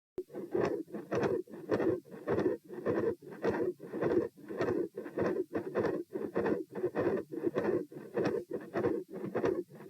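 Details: Heart murmur recorded at position P with the patient standing: a loud, rough, near-continuous whooshing that surges with each beat at about 100 a minute, with little silence between beats. Large continuous murmur around S2, possible patent ductus arteriosus.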